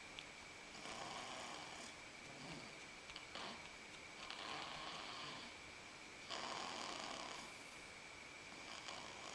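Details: Snoring while asleep on father's lap: repeated hissing, rasping snores recur every couple of seconds over steady room noise.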